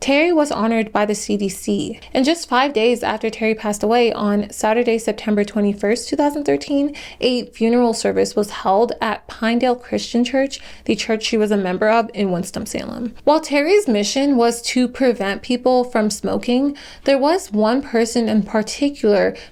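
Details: Adult woman narrating; normal speech.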